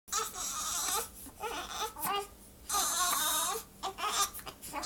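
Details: An infant with high, sobbing bursts of crying in a small room; infant cry.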